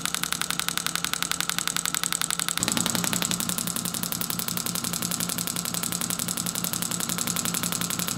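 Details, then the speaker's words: Rapid, regular machine-gun-like tapping about four times a second, growing louder: Storz MP 200 radial shockwave device treating plantar fasciitis along the plantar fascia from the calcaneal tuberosity, by a physiotherapist. "a shockwave therapy machine the MP 200 uses a separate air compressor which allows us to reach a power of five bars and 21 Hertz"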